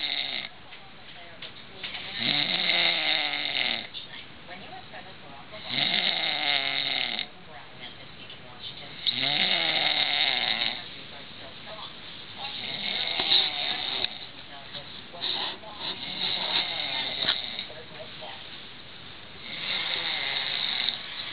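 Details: Loud, rattling snores every 3–4 seconds, about 19 a minute, with quieter breathing between, from a man sleeping on a couch; ordinary snoring.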